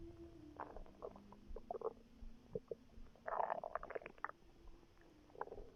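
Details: A pregnant woman's belly recorded before contractions began: bursts of gurgling and squeaky bubbling with a faint low drone behind. Ordinary bowel sounds, stomach growling.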